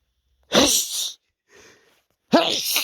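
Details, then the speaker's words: Two forceful sneezes with a faint breath between, in a person attributing them to dust allergy after someone was dusting the house; allergic sneezing. "I feel this sneeze coming. Hey, hey, you, you. Oh my God. Oh, this dust gets me every day. Gets me every time."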